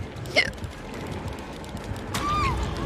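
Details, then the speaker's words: Twitch streamer talking during a live stream, with two brief, sharp involuntary vocal catches over steady room noise; hiccups. "but i will say that i made top 750 750 for respawn oh my god i have the hiccups"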